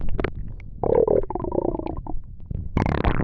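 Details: Low gurgling and rumbling from the abdomen, with a bubbling stretch and a louder gurgle at the end: ordinary stomach rumbling, bowel sounds (borborygmi).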